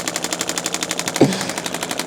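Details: Radial shockwave therapy on the lateral leg of an adult chiropractor who has recently increased his running: rapid, evenly spaced clicking pulses, about twelve a second, with one louder thump midway; total session just under 9 minutes.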